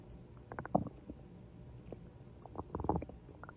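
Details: Stomach growling (borborygmi): soft gurgling and bubbling in short bursts over a low rumble from gas and fluid moving through the gut.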